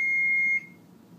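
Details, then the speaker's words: An AED is opened and switched on during a CPR training demonstration: a single steady high-pitched electronic beep about half a second long, then quiet room sound. AED power-on beep. "the first step is open the aed power on the aed"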